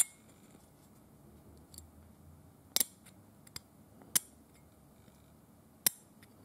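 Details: Simulated dental cleaning with a hand scaler on a painted teeth model rather than a real patient: sharp, scattered metallic scraping clicks; dental scaling.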